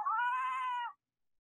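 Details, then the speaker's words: Six-week-old infant girl, very unwell with RSV who later needed two weeks intubated in NICU: single brief, thin, high-pitched weak cry that fades quickly, instead of a normal wail. "so that is a weak cry a baby at six weeks old when they cry they wail if you've been around an infant that's upset or not doing very well they will absolutely wail their tiny heads off"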